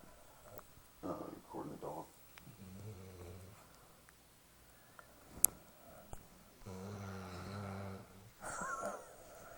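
Sleeping breaths with buzzing, whistly snores and snuffles, a few seconds apart: snoring in a dog.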